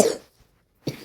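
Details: Two harsh coughs, one short and then a second after a brief pause, from a person who says they are sick; a plain cough.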